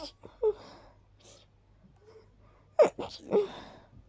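Several quiet, quick little sneezes, each a brief breathy burst, in a rapid series with soft intakes of breath between them.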